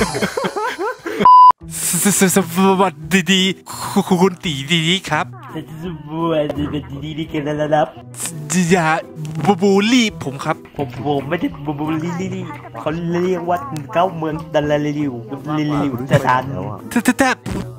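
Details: Imitated stuttering: a male player deliberately fakes a stutter as a prank while chatting in VRChat; this is not a real disorder.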